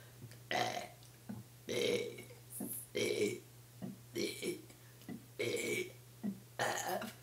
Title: Me burping the ABC's